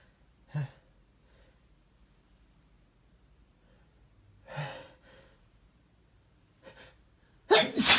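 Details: A person sneezes twice in a quiet room, each sneeze preceded by a quick inward gasp, with a louder burst at the end: sneezing.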